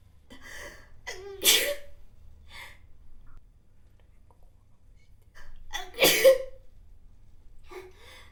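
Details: Two sneezes recorded with the model's permission, each preceded by a rising voiced intake of breath and then a sharp explosive burst of air.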